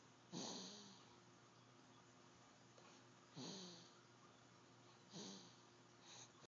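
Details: A dog sleeping after a long day, with three snorting breaths a few seconds apart in a quiet room, about 20 a minute: snoring.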